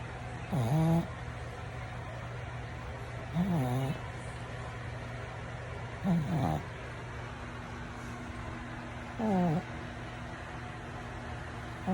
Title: Layla Da Pug snoring Pug